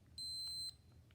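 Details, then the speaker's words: A single clear, high-pitched electronic beep lasting about half a second as a Pro Voice V9 glucometer is switched on with the set button, going straight into settings mode. "press the set button to turn on the meter directly into your settings mode"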